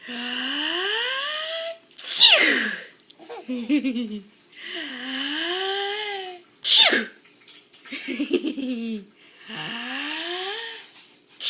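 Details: Mother sneezing while her infant son, a day short of five months old, laughs: two sharp explosive adult sneezes with the child's long laughing squeals between and around them.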